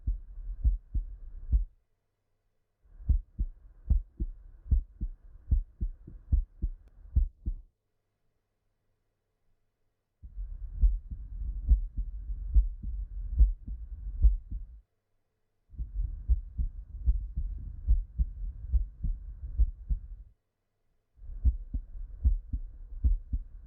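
Regular low heart thumps through a stethoscope, about 71 beats a minute, in several short listening stretches.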